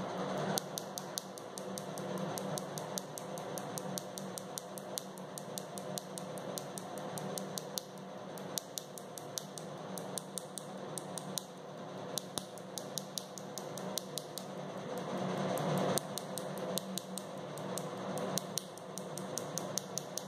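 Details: First session of Nd:YAG laser tattoo removal: rapid sharp snapping clicks, about 150 per minute, over a fan hum, as the laser pulses strike the skin.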